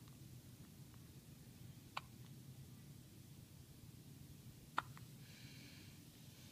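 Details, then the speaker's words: Two soft, sharp hiccup clicks about three seconds apart in a quiet room from a 3-day-old newborn girl just after her first good feed; ordinary newborn hiccups. "yeah there's another one down there I think as long as these hiccups are going on"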